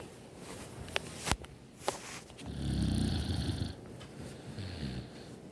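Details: A sister snoring during sleep, again: a deep rumbling snore lasting about a second, then a softer one, with a couple of sharp knocks in a small room.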